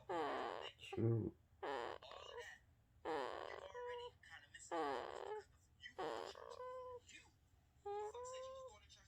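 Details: Baby boy making noises in his sleep: repeated short voiced grunts, squeaks and whimpers, typical normal infant sleep noises.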